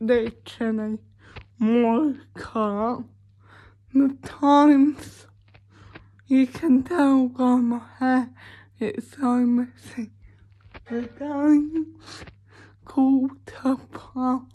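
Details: Dysarthric speech in a woman with cerebral palsy, talking spontaneously in a day-in-my-life vlog during quarantine.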